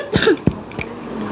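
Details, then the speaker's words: An adult gamer, frightened during a horror game, gives a few short, abrupt coughs in a small, quiet room and says it is just a cough: a plain cough. "ஒன்றும் இல்லை guys, இருமல் தான் guys."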